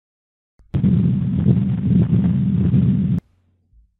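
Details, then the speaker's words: Patent ductus arteriosus heard with the stethoscope directly under the left clavicle: a continuous machine-like murmur lasting throughout systole and diastole. "this very characteristic murmur last throughout systole and diastole and a lot of times will be described as a machine like murmur or a continuous murmur"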